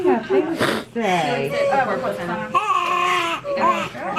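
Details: A newborn boy's quavering, high-pitched first cries right after an unmedicated natural birth after about 30 minutes of pushing, mixed with the mother's emotional crying and voices in a small room; baby weighed 8 lb 1 oz and was 21 inches long.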